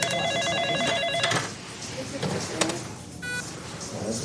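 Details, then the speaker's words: Hospital soundscape of a busy ward: incessant overlapping monitor beeping, alarms and ringing phones over room noise. "Incessant beeping from monitors, phones ringing at all hours."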